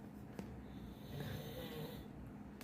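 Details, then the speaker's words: Low rumbling snoring from a sleeping child, a younger brother said to be tired and not feeling well, over faint room background and voices. "You're the one who said somebody's ass snoring."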